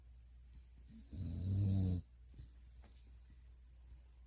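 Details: Sleeping dog snoring: a single low, rumbling snore on an in-breath, over steady room hum.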